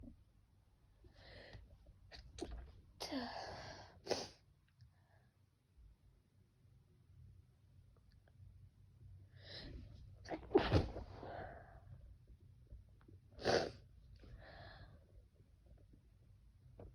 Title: Sneezing pt2